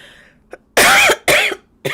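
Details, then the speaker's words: Adult podcast host coughing mid-talk after trying to hold it back and drinking water: two loud, harsh cough bursts, each followed by a short third burst at the end. "I didn't want to cough, but it came and I really tried to hold it back."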